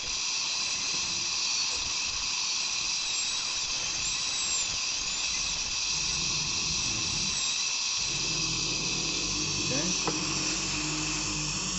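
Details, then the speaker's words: High-speed dental drill preparing tooth number 20 for a composite filling on a practice manikin, a steady high-pitched whine with hissing suction and water spray; high-speed dental drill. "i'm going to hold my mirror here just to reflect the tongue and then we're going to go ahead and start drilling let's turn it on"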